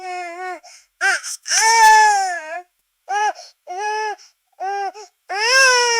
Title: Baby Crying Tantrum Sound Effect